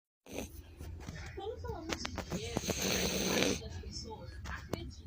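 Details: French Bulldog snoring while asleep: rough, snorting snore sounds with some whistling noise and faint room sounds; typical snoring.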